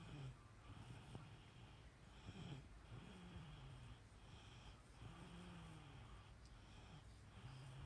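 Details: Soft, low rumbling snores at roughly 26 a minute, irregular, with steady room hum behind; ordinary snoring during sleep.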